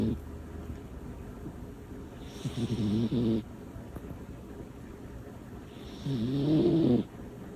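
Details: Two loud, rattling snores on the in-breath, separated by quiet breathing, from a small sleeping female cat that is loud sometimes; ordinary snoring.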